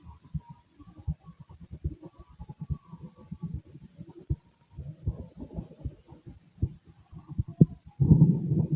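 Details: Normal heart sounds from a male chest through a stethoscope: low, soft thumping heartbeats with some rubbing and a loud scrape at the end.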